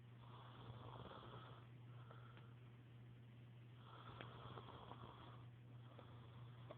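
Soft, raspy snoring sounds on slow breaths over a steady low hum in the room.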